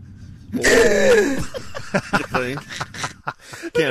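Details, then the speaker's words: Woman's unusual hiccup: a loud, dramatic gasping hiccup with a drawn-out voiced intake of air, then rapid catching breaths and room noise; said to resemble a dramatic awakening-from-death gasp; hiccups. "No, that's the weirdest form of hiccups. It's like sneezes, I guess. Everybody has a different sounding hiccup."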